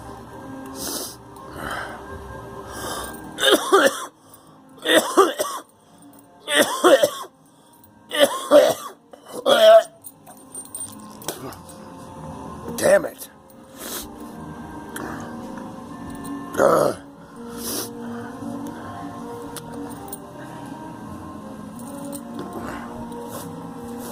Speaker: got this cold and it won't go away. It goes away for a few days and comes back.